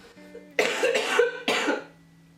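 Two harsh, loose-sounding coughs from an adult with cystic fibrosis over a faint steady background tone: chronic productive cough.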